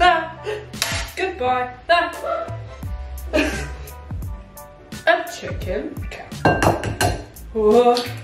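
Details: Woman with self-reported Tourette syndrome, vocal tics while cooking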